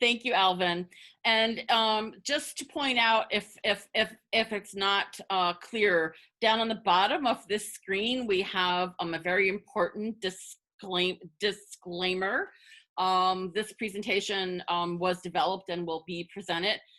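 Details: Adult woman, a person who stutters, with repetitions of words and parts of words; stuttering.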